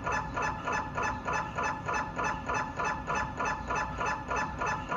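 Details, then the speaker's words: MRI scanner running a diffusion-weighted imaging (DWI, echo-planar) sequence: fast, very regular mechanical knocking about 200 per minute with a buzzing tone; sound varies between scanner models. "The sound of a dwi scan sequence can also vary between the different mri scanner models. Let's listen in to some great examples of dwi scans from various MRI scanners"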